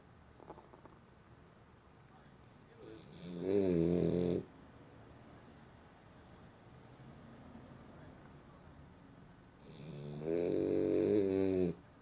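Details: Two loud, rattly snores about seven seconds apart, with quiet breathing between them; snoring.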